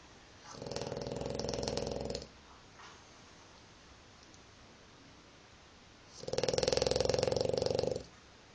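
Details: Loud, buzzing, pig-like snores, each nearly two seconds long with about four seconds of quiet between them; heavy snoring in a dog.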